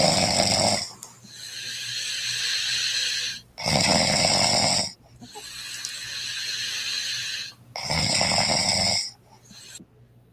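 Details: Woman snoring in sleep: three loud, harsh, rattling snores on the in-breath with quiet gaps, about 14 a minute. Snoring from a vibrating soft palate.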